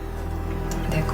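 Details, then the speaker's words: Fetal heartbeat heard by Doppler at a prenatal visit, mother weighing about 101 kg; the baby's heart beats strongly and all is normal so far. "Le cœur du bébé bat aussi fort que celui de sa maman."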